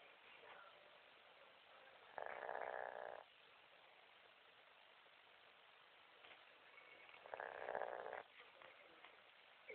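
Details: A sleeping dog, with the owner trying to wake her: two rough, rasping breath sounds about five seconds apart over quiet room noise; snoring.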